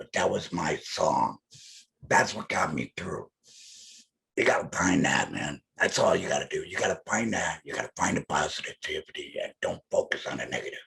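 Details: Adult laryngectomee speaking with alaryngeal speech after laryngectomy; alaryngeal speech.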